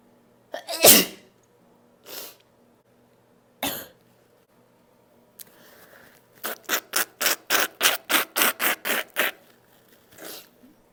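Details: Several loud, unstifled sneezes, then a rapid run of about a dozen short sharp bursts, from a compilation of three sneezing recordings.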